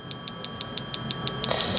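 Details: Focused shockwave therapy on a surgically repaired thumb still holding pins after UCL surgery: regular sharp ticking pulses about six per second, then a burst of hiss; patient says it felt deep, at joint-pain level, not superficial vibration.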